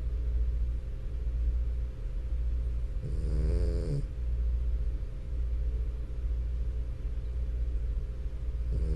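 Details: Sleeping French Bulldog, continuous low rumbling snore with a brief louder snort; snoring.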